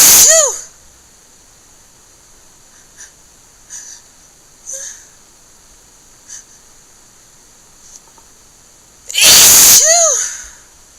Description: few wet one with a lot of tiching breathing